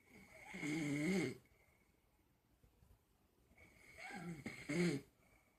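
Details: A man passed out asleep, snoring: loud, vibrating snores on each breath, with quiet pauses between them.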